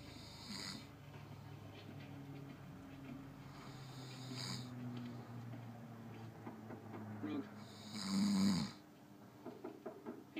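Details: An adult husband snoring in bed: low rattling snores on the breaths of a sleeper in a quiet room, with a louder snort near the end.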